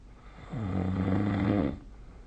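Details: One low, rumbling snore about a second long during sleep against quiet room noise; snoring.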